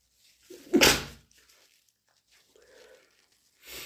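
A single sharp, forceful sneeze burst with a brief intake before it, followed by quieter breathy sounds in a quiet room.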